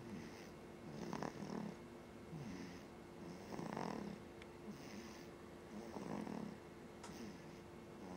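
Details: Soft, rhythmic snores roughly every 2.5 seconds over steady room hum and hiss; mild snoring.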